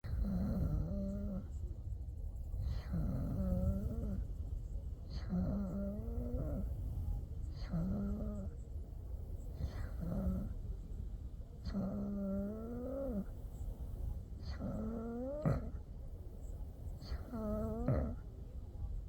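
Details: Sleeper snoring: rhythmic throaty rumbling with each breath, about 25 a minute, slightly growling, moaning quality; snoring.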